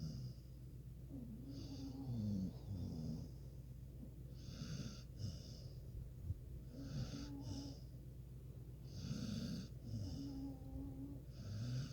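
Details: Sleeping dog snoring with her head up on a pillow: steady, rhythmic snoring, a rattling snore on each breath in and a whistling note on each breath out, about 15 breaths a minute.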